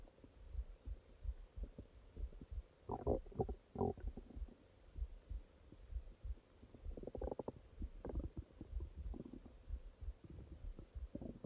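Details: Stomach growling at night (part 2): irregular low gurgles and rumbles with quiet gaps; normal bowel sounds (borborygmi).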